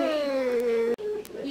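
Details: Strong, sustained newborn wail with a slowly falling pitch, then a second shorter cry: a baby boy's vigorous first cry just after vaginal birth.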